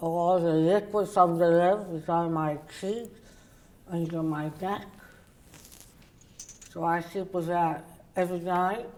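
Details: Woman, oral cavity cancer survivor treated with partial glossectomy and reconstruction followed by radiation; tongue does not reach the roof of her mouth and people have difficulty understanding her; articulation disorder after partial glossectomy.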